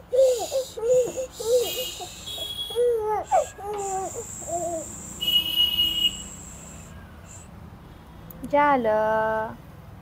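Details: Baby girl cries in short rising and falling wails during ear piercing, adults soothing nearby; ordinary crying after brief pain.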